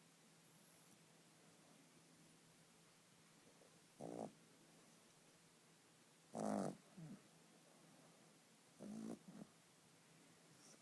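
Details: Light snoring during sleep: three quiet, brief, soft snuffling bursts over the hiss of a quiet room.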